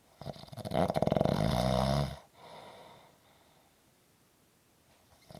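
One loud, rattling snore on the in-breath, followed by a softer out-breath and quiet, in a small room.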